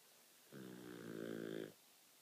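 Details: Olde English Bulldogge snoring loudly: a single drawn-out, buzzing, voiced snore lasting about a second; snoring.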